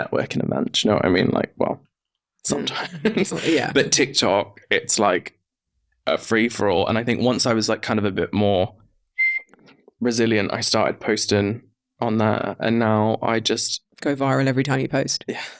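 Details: Tourette syndrome vocal tics, including involuntary swearing, whistling and interjected words, in a 32-year-old man who acquired Tourette's after a brain injury in his mid-20s; an earlier stammer occasionally returns.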